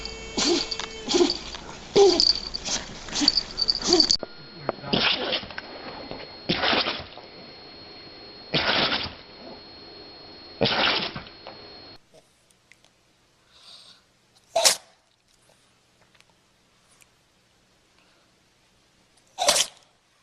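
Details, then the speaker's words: Several short, sharp puppy sneezes across scenes with room and water noise; sneezing. "Oh, I'm sick. He sneezed on me. Don't sniff pain."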